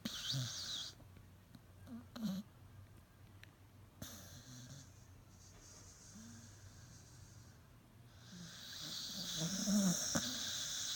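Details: Sleeping Staffordshire terrier snoring: soft, rattling snore-like breathing over steady background hiss.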